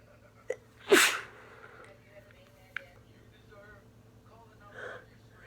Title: uncovered sneezing fits from a cold